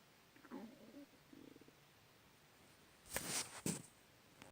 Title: Stomach growling